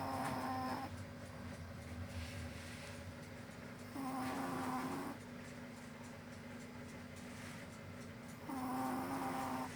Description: I finally managed to capture this moment of Cuddlebuns snoring in her sleep😴😪🛌🛏